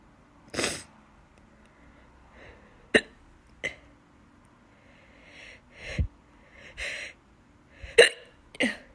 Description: That's so hard to hiccup and sneeze at the same time it's hurting my stomach so bad😭